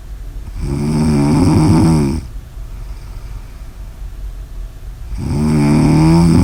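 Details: Loud, buzzing, tonal snores lasting over a second each, two in the clip, with a noisy quieter breath between; snoring.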